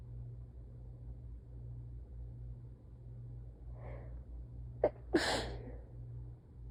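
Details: Soft, tired sneeze into a handkerchief during a sneezing fit: a soft intake of breath, then one quiet, muffled sneeze over low room hum.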